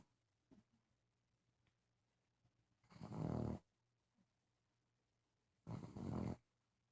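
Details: Habitually loud snorer: two loud, rough snores with quiet pauses between them; snoring during sleep.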